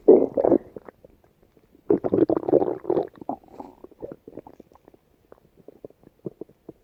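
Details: Stomach growling (borborygmi): low rumbling gurgles and irregular, crackly bursts of bubbling, fading to scattered pops.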